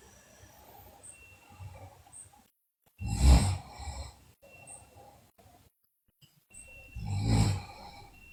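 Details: Snoring in a sleeping girl, with bruxism and delirium noted.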